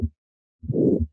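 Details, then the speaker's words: Harvey cardiology simulator, stethoscope over the neck: long, harsh systolic murmur loudest at right upper sternal edge radiating to the carotids; aortic stenosis murmur radiating to the carotids. "is typical especially with more severe disease but you can hear that murmur radiating to the carotids"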